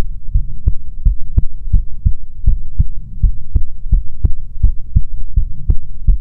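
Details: ASMR recording of soothing heartbeats: clear, regular low thumps over a faint hum; normal heartbeat.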